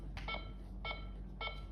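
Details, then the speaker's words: Bedside monitor running tone during an OSCE demonstration, not the alarm: three short, high electronic beeps repeating at a steady pace; this sound is rarely silenced. "ini adalah bunyinya bedside monitor. Jadi enggak bisa bedside monitor itu di ee bunyinya dihilangkan."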